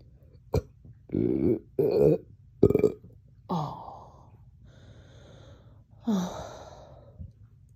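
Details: A sharp hiccup click followed by several loud throaty belches and a few softer ones, painful in the chest, after drinking water too fast following a dog walk; hiccup burps.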